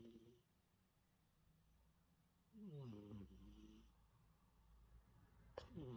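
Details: A sleeping cat snores with a low, rough rumble and one louder, whistling, falling-pitch breath.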